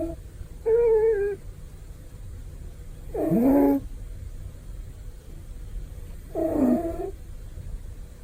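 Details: Male cat napping, with three soft, slightly tonal snores, about 23 a minute, and quiet room noise between; loud but comfortable sleep snoring.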